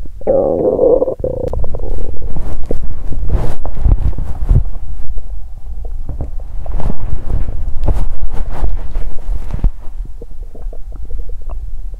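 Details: Abdomen of a person who exercised on an empty stomach: low gurgling and rumbling with irregular bubbling clicks and a brief higher squeal at the start: active bowel sounds.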